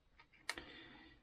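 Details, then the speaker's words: Soft handling clicks, then one sharp snap as the lever of an Optima glucometer kit's finger-prick lancing device is pulled and cocked, lancet already inserted, before a home blood sugar check. "Parmak delme aparatımızı kurmamız gerekiyor. Çekiyoruz. çektiğimiz zaman turuncu kısım dışarıya çıkıyor ve parmak delme aparatımız kurulmuş oluyor."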